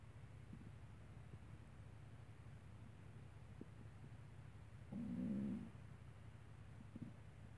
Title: My stomach at 7 AM